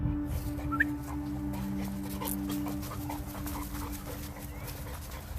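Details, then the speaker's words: 11-month-old Renascence Bulldogge after a hard 3.5–4 mile woodland hike, bred without an elongated soft palate: heavy, rapid panting with no throaty rasp or snorting over steady hum, normal panting without stertor. "of the throat even though he's panting and breathing heavy and that's because I've bred them to not have that elongated soft palate that restricts their airway"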